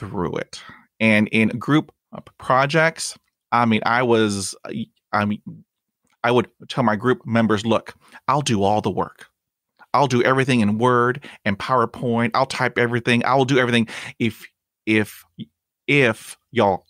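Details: Real stuttering in an adult man who stutters and reports blocks and repetitions in his own speech.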